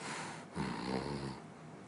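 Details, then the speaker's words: Snoring example: a single low, rattling inhaled snore under a second, quiet breathing before and after. "2단계와 3단계는 밤새도록 코를 골다 말다 반복하는 경우 또한 밤새도록 코를 크게 고 랐다 작게 고다 골아 딸을 반복하는 경우 돼 이 경우는 부비동 공간 비강과 부비동의 공간이 좁아지는 것만큼 코골이 소리가 커지는 것입니다"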